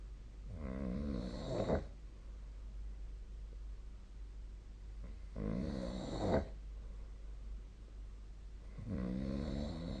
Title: 🐽 本日のイビキ / Snoring Sleep Sound 2025/02/05